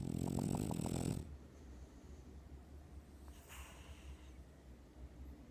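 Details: French bulldog asleep, dreaming on owner's chest: one loud, deep, rattling man-like snore lasting about a second, then quiet breathing over low room noise; snoring.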